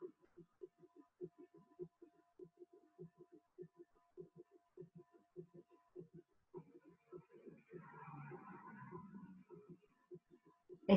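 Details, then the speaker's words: Summation gallop, typical of heart failure with diastolic dysfunction: regular heart sounds with a loud, low added diastolic filling sound, where the third and fourth sounds merge as atrial contraction fills a stiff, non-distensible ventricle. "Este ritmo de galope de suma es típico de los pacientes con insuficiencia cardíaca en los cuales se produce el llenado ventricular en un ventrículo que es rígido con disfunción diastólica y la contracción auricular genera esta este ruido sumado a un ventrículo no distensible, por eso se suman eh tercer y cuarto ruido."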